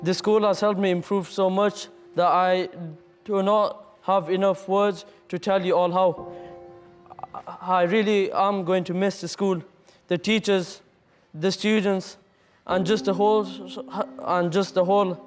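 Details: Year 11 male student with severe stammer since childhood, which he says he was helped to overcome, giving a farewell speech in school assembly; mild repetitions remain; stuttering.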